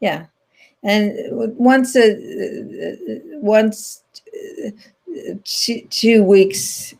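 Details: Adult woman with post-stroke language impairment after a stroke in 2010, in ongoing rehabilitation therapy, speaking naturally in an interview; aphasia.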